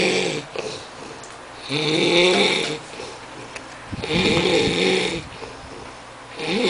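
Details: Loud, rough, rattling snores about every two and a half seconds with quiet exhalations between, from a sleeping adult guest keeping others awake; heavy snoring.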